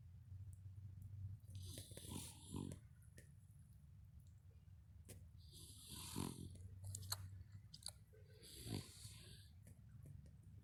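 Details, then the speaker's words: A pot-bellied pig lying in its hay after eating snores: low rumbling breaths with a few louder snorty inhalations over a steady low background hum. "Hey, y'all, Chris done got a little spot in his hay that I got him. He's snoring."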